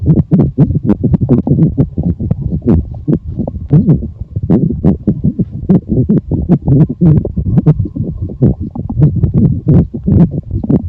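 Continuous low gurgling and rumbling with rubbing noise throughout; active stomach growling, a normal digestive sound.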